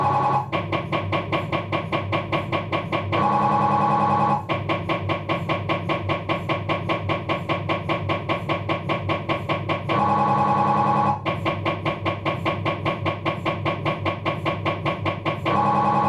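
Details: Loud rapid regular knocking with buzzing, about 150 pulses a minute, shifting pitch in blocks, from a Philips 1.5T MRI scanner during an abdominal scan, diffusion sequence; MRI scanner noise.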